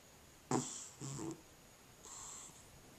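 Soft, raspy breathing noises in short bursts from a sleeping cat, a faint steady high hum behind; snoring.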